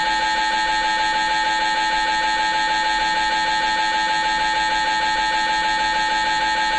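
Loud, steady, rapid mechanical knocking with a droning tone, about three pulses a second: the typical noise of an MRI scanner during imaging.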